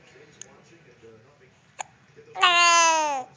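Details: Two short, abrupt hiccup clicks about 1.4 seconds apart, then a brief high-pitched vocal sound, from a baby: hiccups.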